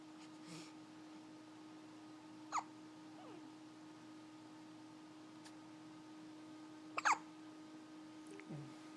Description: hiccuping at 3 in the morning after her meal.